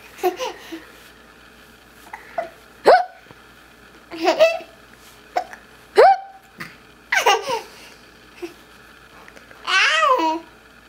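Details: Child's hiccups, laughing at them: about six sudden, sharp, voiced catches over eleven seconds, with babbling and laugh-like sounds between.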